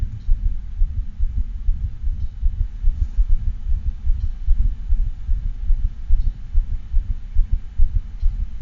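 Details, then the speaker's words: Continuous (machinery) murmur from a patent ductus arteriosus (PDA), harder to hear, easily missed without careful auscultation. "bit harder to hear but this is a continuous murmur and it can be missed if you're not a sculpting closely enough"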